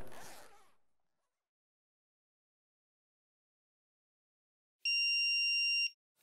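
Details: Simulated CPR training demonstration with an iPAD AED training defibrillator: a zipper-like rustle, then silence and a single sustained electronic start-up beep as the AED switches on.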